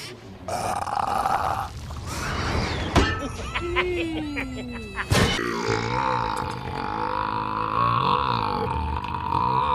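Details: Burping scenes compiled from movies: loud, drawn-out belches from a cartoon excerpt, with music and room noise underneath.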